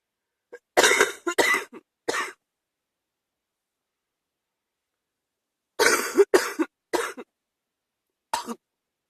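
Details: Adult with a chest cold giving an evening cough in two short bouts, about seven harsh coughs in all.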